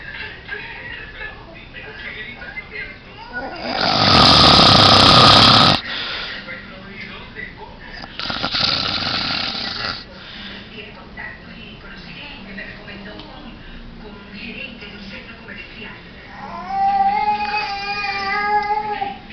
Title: funny video man snoring